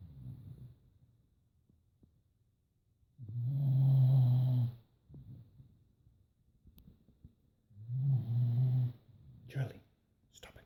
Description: My dog snoring very loud